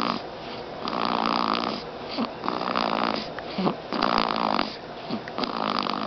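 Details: Repeated rough, buzzing snores with snorting catches, about forty a minute, over steady room noise; snoring.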